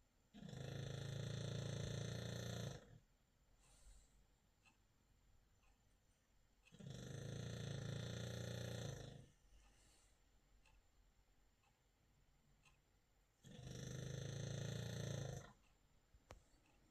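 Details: British bulldog snoring: three long, loud rattling snores about six seconds apart with quiet breathing between, roughly ten breaths a minute.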